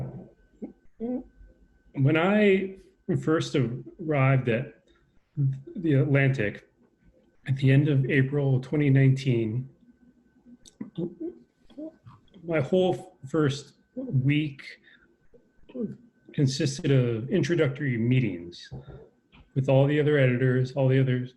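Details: Stuttering in an adult man with a lifelong stutter, speaking in a conversation.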